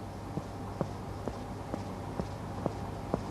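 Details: Seven soft, evenly spaced taps with little resonance, chest percussion deliberately done with the wrong stiff-wrist technique as a teaching example, against low room hum: dull, faint percussion note from incorrect technique.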